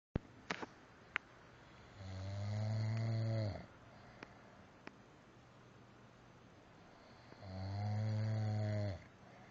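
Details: Adult man (husband) asleep, filmed by his wife, who says he claims not to snore: two long, low, vibrating inspiratory snores about every five to six seconds with quiet pauses; snoring.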